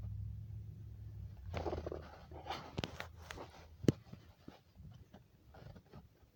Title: Weird stomach growls hungry girl